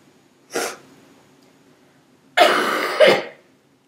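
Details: Person sick for about three days, taking over-the-counter medicine, coughing: a single cough, a pause, then a longer two-part cough burst.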